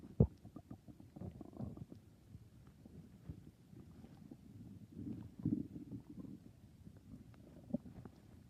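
Soft, low gurgling and rumbling with a few brief louder bubbling pops; ordinary stomach growling.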